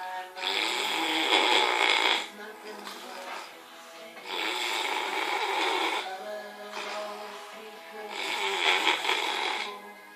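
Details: Epic snoring: three long, loud, harsh snoring breaths with quieter exhalations between, faint background music.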